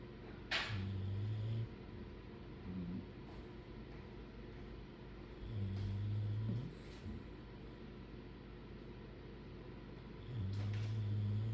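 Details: Two bulldogs asleep, unfiltered with no background music: low, rumbling snores recurring about every five seconds over steady room noise; dog snoring.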